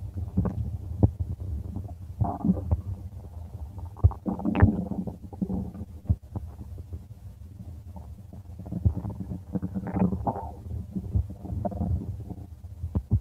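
Continuous low gurgling and rumbling with irregular bubbly squeaks; ordinary stomach rumbling from moving gas and fluid.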